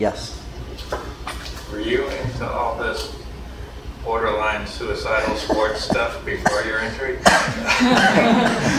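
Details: Adult man speaking; typical speech.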